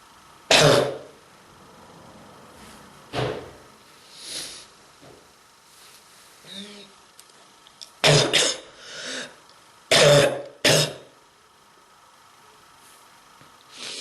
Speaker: pain. Pain on my throat and on my chest because of this strong bronchitis.